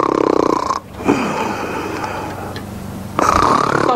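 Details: Sleeping Yemeni female snoring: loud rattling snores break up a quieter breathing phase. Someone complains the snoring is embarrassing and tells her to stop.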